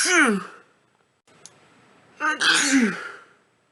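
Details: Person in a bout of 50+ sneezes in a row: a voiced, falling burst, a pause, a quick intake and a second explosive voiced burst; repeated sneezing.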